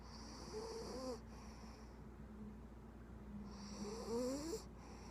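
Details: Puggle puppy: two soft snores about three seconds apart, each a faint rattling inhalation with a squeaky whistling edge, over steady room noise; snoring.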